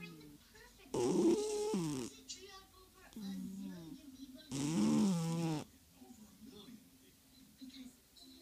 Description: Our fat cat Oreo in rem sleep. Snoring very loudly